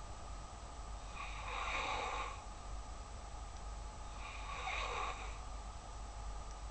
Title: Snoring beauty